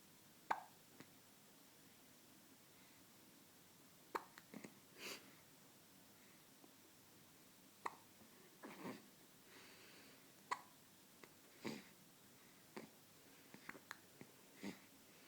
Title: Baby hiccups! So cute!